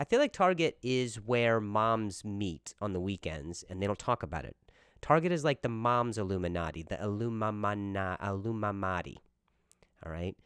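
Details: Stuttering in an adult male comedian giving a stand-up style monologue on his own podcast.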